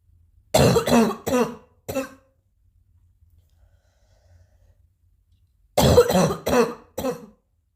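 Two bouts of four quick, harsh coughs each, separated by a few seconds of silence; repeated coughing.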